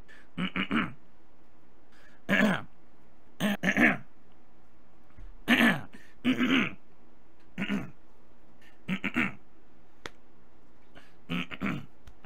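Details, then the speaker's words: Adult man with allergies bothering his throat, not painful: repeated short, harsh throat-clearing bursts, about ten in twelve seconds, with quiet room noise between. "my throat is sounding a little strange today it doesn't hurt but I think it's because of allergies"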